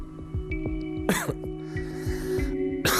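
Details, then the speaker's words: 61-year-old man with over 15 years of habitual throat clearing, throat tickle, foreign-body sensation and hoarseness, attributed to reflux esophagitis: two short, dry throat-clearing bursts over background music. "목구멍의 불편감 때문에 헛기침을 한지 벌써 15년이 넘었다는데요."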